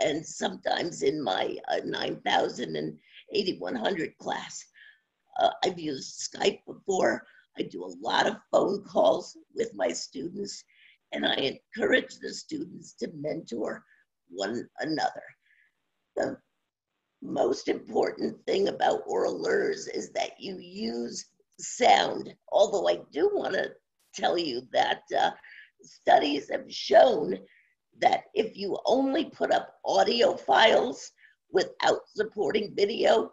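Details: Adult woman with spasmodic dysphonia since around 2010, progressively worsening, no cure; awaiting a postponed Botox injection. Scratchy voice; spasmodic dysphonia.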